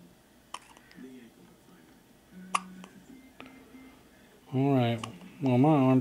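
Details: Hiccups: three sharp, brief catches in a quiet room, followed by two louder voiced sounds.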